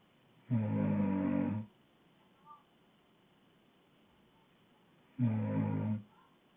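Two loud, deep, rumbling snores about four and a half seconds apart, with quiet between them; loud adult snoring.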